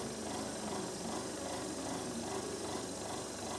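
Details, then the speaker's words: Tracheostomy suctioning on a training model, catheter checked in NaCl, insert-occlude-withdraw, maximum 3 passes then oxygen: continuous rough, roaring suction noise with slight fluctuations. "Cek dulu alatnya, masukkan ke NaCl. Kemudian di suction."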